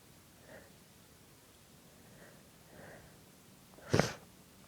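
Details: Soft preparatory breaths, then one muffled, stifled sneeze burst held back to stay quiet; an ordinary suppressed sneeze.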